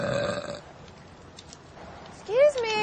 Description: Compilation burping